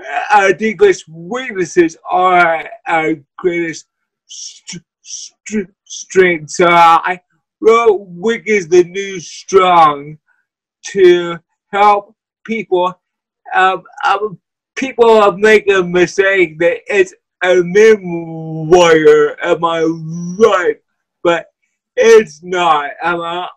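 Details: Adult man with cerebral palsy who uses a wheelchair; dysarthria.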